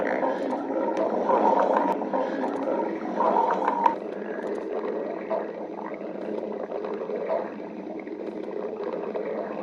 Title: stomach growling 9